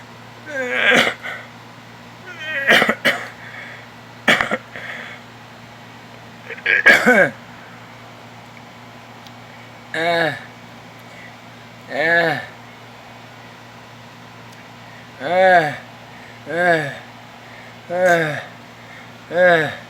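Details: Stridor: harsh, high-pitched crowing noises on each breath in after gasping bursts from a narrowed upper airway.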